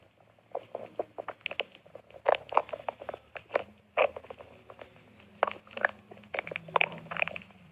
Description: A short 56- second of my stomach growling